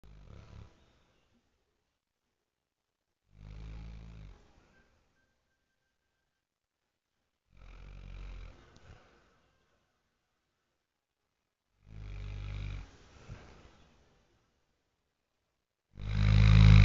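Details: Dog snoring during sleep: deep, rumbling snores about every four seconds, roughly fifteen a minute, the last one loudest.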